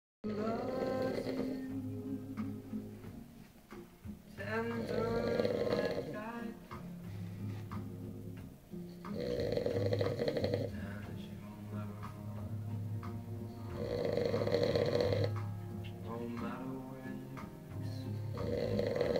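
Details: Adult snoring after heavy drinking and smoking: loud, rough snoring in long repeated bursts about every four to five seconds, with background music.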